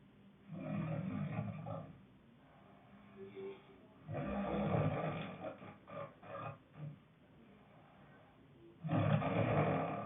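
Loud, rough, growling snores on breathing in, with quieter snorts between. Heavy snoring.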